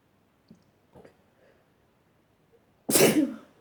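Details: Person sneezing, with a few faint breathy sounds then one loud, forceful, explosive sneeze, part of a long bout of stifled and strong wet sneezes: sneezing.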